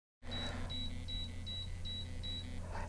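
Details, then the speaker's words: Portascan 3D portable ultrasound bladder scanner during a PVR bladder volume scan: six short, steady high beeps while it captures 12 bladder images; the probe must stay still during beeping. "notice while the scan is occurring you are hearing a beeping sound is always important never to move the probe during the sound it's taking 12 separate images of the bladder during this time"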